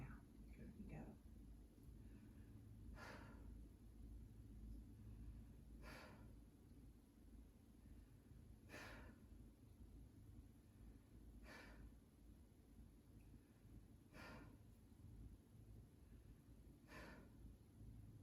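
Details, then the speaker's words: Normal vesicular breath sounds heard with a stethoscope over the posterior chest of a seated adult taking deep breaths: soft, regular rushing breaths with low room rumble, as expected in a normal finding. "And in a normal finding, I would expect to hear vesicular breathing. That is exactly what I heard."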